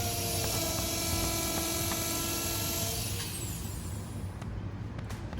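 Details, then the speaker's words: Steady high dental implant drill whine for about three seconds, then stopping, leaving room hiss: final 3.2 mm osteotomy drill, after 2.8 mm, for a 3.5 mm implant in a practice jaw. "So right now, this is 2.8 drilling sequence and we will drill to 3.2. And this is our last drill."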